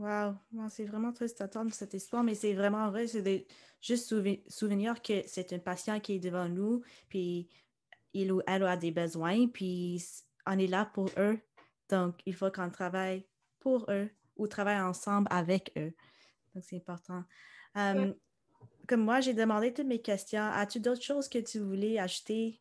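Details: Adult woman speaking; typical speech.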